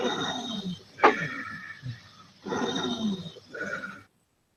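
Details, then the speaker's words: Inspiratory stridor from paradoxical vocal cord dysfunction, contrasted with asthma in athletes: harsh, growling noisy breaths in with strained gasping effort as the chest rises, struggling to breathe in. "So there you go. Hearing that, basically that they're struggling to breathe in. The chest is going to rise and they're just going to have that difficult grasping for that air."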